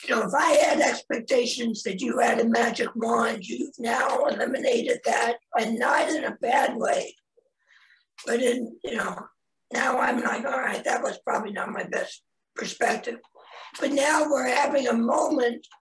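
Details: Cancer survivor after laryngectomy (voice box removed), speaking with post-laryngectomy voice restoration; laryngectomy voice.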